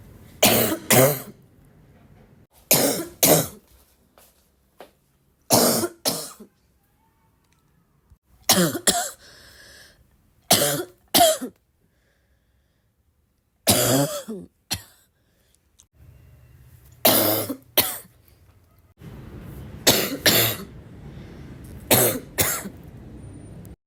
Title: I hope you like barking cough because I have a lot to offer :)